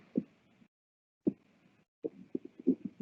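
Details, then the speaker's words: Horse auscultated while eating dinner, GI tract active: irregular gurgles and bubbling pops between quiet gaps, with a breath audible; normal borborygmi with increased intestinal activity. "so we've got just a bunch of background gurgling happening"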